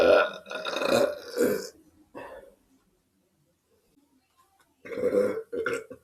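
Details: Several loud, throaty belches in a row, then a pause and two more short burps; burping.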